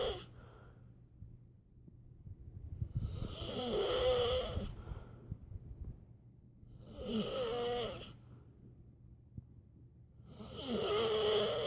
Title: snoring 1